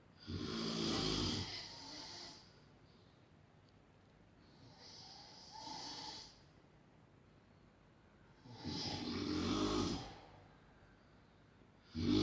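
Loud, rough snoring on each breath in, with quieter noisy breaths out, about five breaths a minute here.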